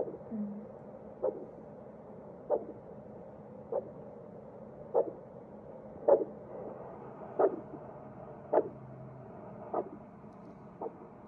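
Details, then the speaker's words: Arterial Doppler pulse signal: regular short whooshing pulses, about 24 a minute, over a steady hiss from a low-cost handheld vascular Doppler on facial arteries of a daughter; normal pulsatile flow. "you can check the pulses of those vascular structures and see if there is blood flow or not if there's a concern regarding bruise versus occlusion this might be your ticket"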